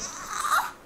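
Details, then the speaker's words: Newborn girl, morning after birth in hospital: brief rising wail, an ordinary cry like when she needs a diaper change or is hungry. "as sad as you just saw her was about as sad as she has been whenever she needed her diaper changed or she was hungry."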